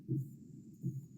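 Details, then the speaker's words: Aortic regurgitation heard at the third left intercostal space, left sternal border: low heart sounds with a soft blowing diastolic murmur trailing after each second sound. "Bueno, entonces es diastólico, ¿no? Esta es la diferencia."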